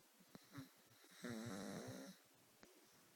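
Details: Sleeping cat snoring, less intensely than usual: a single soft, buzzy snore with a few faint clicks in a quiet room.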